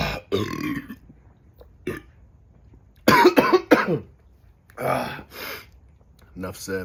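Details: Adult man chugging a 40oz beer: loud, rough belching sounds mixed with brief speech; voluntary burps after drinking.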